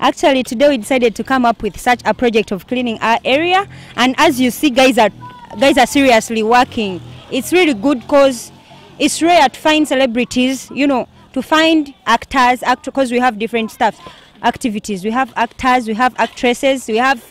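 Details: Adult male speaker; no disorder.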